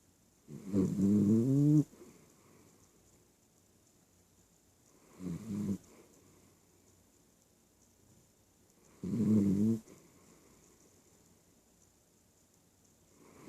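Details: Sleeping dog snoring: three rough, rattling snores about four seconds apart with quiet pauses between.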